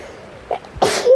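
A short indrawn catch followed by one explosive, hissing sneeze.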